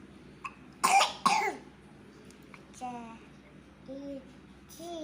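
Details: A 3-year-old boy with a cough, while learning to read, gives two sharp, harsh coughs in quick succession, then a few brief spoken sounds; a coughing bout.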